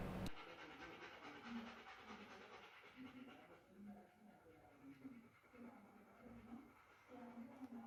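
A dog pants rapidly and steadily over low room noise: heat-related panting, a normal cooling response.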